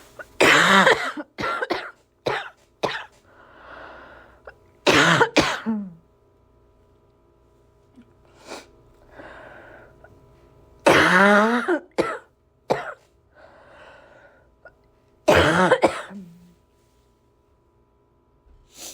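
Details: Coughing during a December cold: four bouts of harsh, repeated coughing with quiet breathing between them in a small quiet room.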